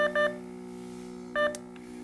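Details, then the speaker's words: Clear paired electronic beeps over a steady device hum: a Nonin capnograph audible alarm for end-tidal CO2 or respiration rate outside limits or no breath for 25 seconds; silenceable for 2 minutes. "you will hear a rapid beep sequence and a flashing of the limit exceeded on the display other alarms with the slower beep speed may occur indicating an equipment related event you need to resolve"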